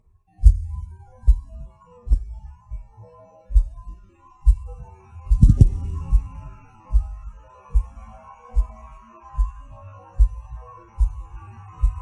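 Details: Person's own heartbeat with PVCs/PACs (stopping, skipping and extra beats), felt as a sudden rush or falling: low thumps about 70 a minute, unevenly spaced, with pauses and clustered extra beats, an irregular rhythm from premature beats.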